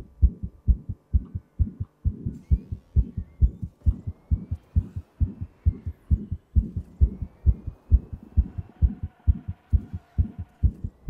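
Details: Own heartbeat recorded while playing a fast-paced racing video game: strong, regular thumping about 133 a minute with a faint soft whoosh between beats, a small murmur.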